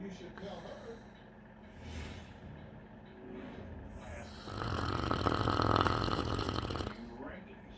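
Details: Snoring caused by a large MLO cancer tumor, after the first chemotherapy, with a CT scan pending for possible removal: low, rough breathing building to a long, loud rattling snore, with faint background talk; blocked upper airway.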